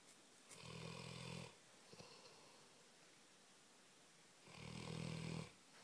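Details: A sleeping Labrador dog, described as a very heavy snorer, gives two long, low, buzzing snores about four seconds apart with quiet breathing between; snoring.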